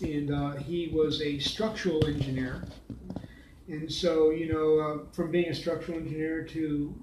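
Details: Man with aphasia after a stroke nine years earlier, with complete right-sided weakness, speaking; post-stroke aphasia.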